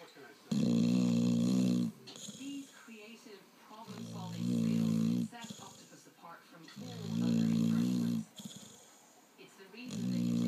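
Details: Dog fast asleep snoring: loud, buzzing, rattly snores on each in-breath with quieter snuffly out-breaths, steady rhythm about every three seconds.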